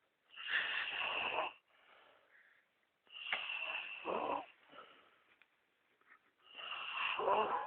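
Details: Man (Carlos) sleeping: harsh, rattling breath sounds on slow breaths, about 20 a minute, with quiet pauses between; snoring.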